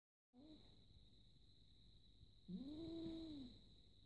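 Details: Cat vocalizing while sleeping/dreaming, last sounds before waking: soft muffled chirp and longer low mew-like murmur over steady room hum; sleep vocalization.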